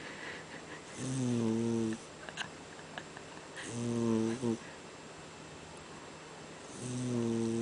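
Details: Three long, drawn-out buzzing snores a couple of seconds apart from a cat sleeping deeply (out cold); snoring.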